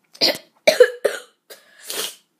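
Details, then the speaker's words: Three short, loose coughs and a breathy, throaty exhale from a 12-year-old boy with a bad cold, really sick, treated with a breathing machine and medicine. "Today I'm sick again. I'm really sick."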